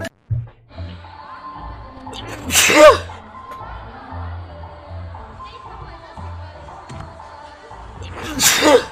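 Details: Two loud, explosive sneezes from a run of six, with quieter talk and music between them; sneezing.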